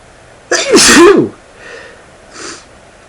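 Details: Male sneezing, sneezes self-induced, speaker reports feeling stuffy: one loud, full voiced sneeze, then two soft breaths afterward.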